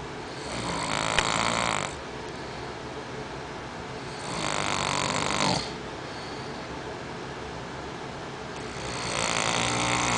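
Loud rasping snores in long breaths, about two in ten seconds, with quieter pauses between; ordinary snoring.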